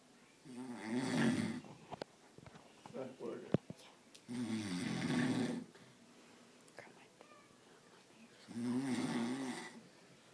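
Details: Man snoring while asleep as makeup is applied to his face and toes: loud, rough snores on each in-breath, about 16 a minute, with soft whispering between; snoring.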